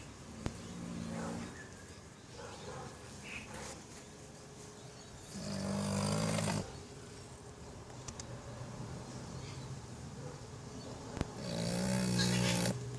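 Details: Bulldog snoring during a nap: loud rumbling snores in long, fluttering bursts every few seconds, with quieter snorting breaths between them.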